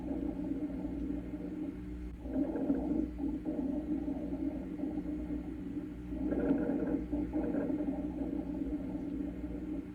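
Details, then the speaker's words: Rhonchi from a heart and lung sounds reference recording: harsh, low, coarse rumbling breath sounds generated in the large upper airways (bronchi), with two louder surges. "Roni are harsh, loud, crackling sounds generated in the large upper airways. Think of ronai as occurring in the bronchi."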